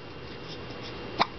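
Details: Three-month-old baby boy, sitting up propped: one short, sharp hiccup over steady room noise.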